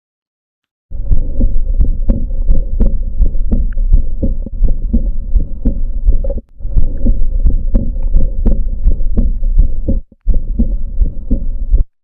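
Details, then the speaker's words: Regular heart sounds with a soft, blowing early diastolic murmur after the second sound, heard with the patient leaning forward and breath held in expiration: aortic regurgitation. "Listen to this murmur, early diastolic murmur of aortic regurgitation, leaning forward, breath held in expiration."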